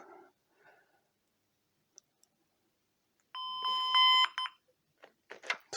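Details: Brief repeated electronic alarm tones amid quiet room sounds from a vehicle patient monitor (pulse oximetry, ECG, blood pressure cuff) alarming because ECG leads are connected but it receives no patient data.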